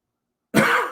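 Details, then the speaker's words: Adult man talking who blames a fan for making him keep coughing: a single abrupt, harsh cough after silence. "You'll hear me keep coughing this damn fan."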